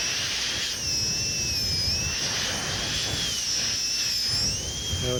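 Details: Steady high-pitched whine with hiss and slight pitch dips under load: high-speed dental handpiece with light touch preparing the lingual finishing line on a typodont maxillary second premolar for a porcelain-fused-to-gold veneer.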